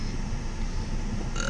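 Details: Deliberate burping contest on holiday: a single long, low, rumbling belch lasting about a second and a half; burping.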